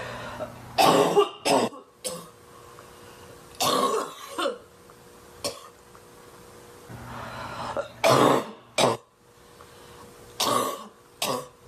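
An adult woman has a fit of harsh, barking coughs, about ten bursts in clusters over twelve seconds.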